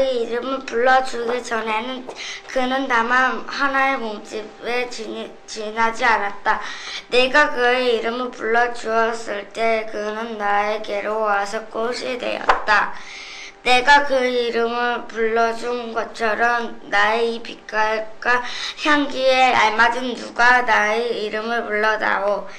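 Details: 10-year-old girl, elementary student, with childhood vocal fold nodules, reading a poem in a recording made early in a before-and-after voice therapy series: pediatric vocal fold nodules.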